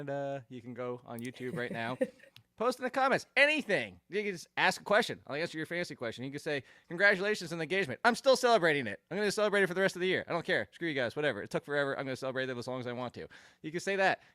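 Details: Adult speaker; ordinary speech.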